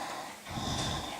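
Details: Adult man (father) snoring: noisy breath with a rough, low, snorting rumble building partway through during sleep.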